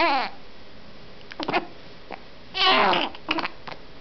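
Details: Baby hiccups while smiling at mother: brief, abrupt catches of breath at irregular intervals, mixed with soft coos and fussy sounds.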